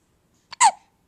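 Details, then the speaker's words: Baby who often had hiccups and looked startled by them; a single abrupt hiccup with a short catch just before it, in a quiet room; ordinary hiccup. "so cole when you see this video when you're older you'll understand that you had the hiccups a lot and you looked startled the entire time you had them like you didn't know what was happening"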